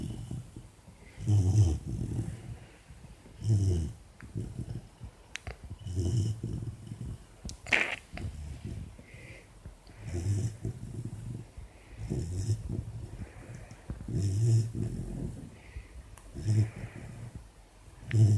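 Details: A sleeping 4-month-old female Labrador puppy with an earbud in her mouth: soft, low rumbling snores with each breath, about 13 a minute, with faint room noise.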